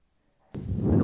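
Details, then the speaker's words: Imitated continuous machinery murmur of patent ductus arteriosus, made by holding the stethoscope diaphragm in the fist and tracing a circle: low continuous rumbling through the stethoscope. "Continuous mercenary murmur as in patent Dr. other USS."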